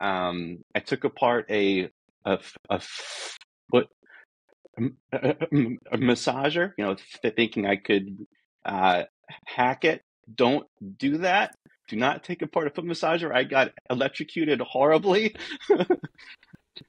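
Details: Adult man who says he is a person who stutters, real and not a recording artifact; this stretch has repeated words; stuttering.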